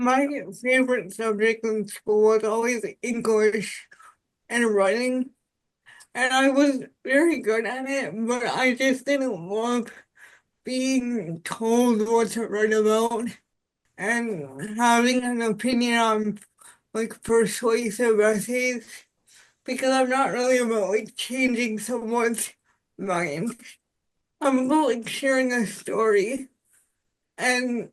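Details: Dysarthria in an adult woman with spastic quadriplegic cerebral palsy since birth, with high muscle tone in all four limbs; she says voice assistants struggle to recognize her speech.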